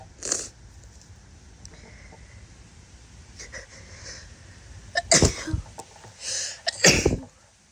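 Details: Female sneezing while sick: a series of wet, forceful, snotty sneezes, several in quick succession near the end, consistent with a head cold.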